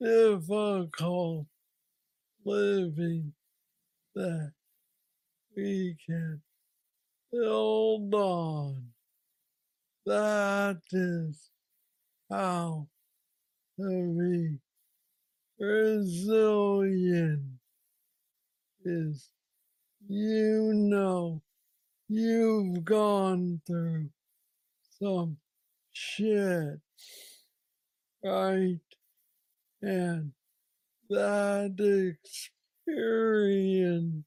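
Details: Man diagnosed with Parkinson's disease at age 35, about nine years earlier, with what he calls the most aggressive form he knows; treated with a brain stimulator implant. Hypokinetic dysarthria.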